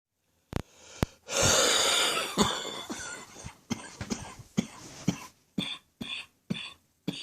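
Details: Adult non-smoker with a persisting chest infection, chesty morning cough: repeated deep, loose coughs in a bout of about a dozen, with a harsh rattly stretch early on.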